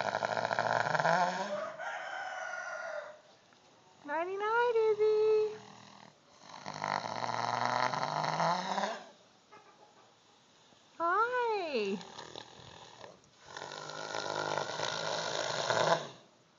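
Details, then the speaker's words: A 15-year-old Clydesdale cross mare waking from sedation given for an eye injury snores loudly, with rough breathing mixed with squealing, rising and falling sounds in long cycles, continuing for about 45 minutes to over an hour. "this would be isabo the Clyde stale horse who's coming out of sedation and is having a little bit of a snoring issue"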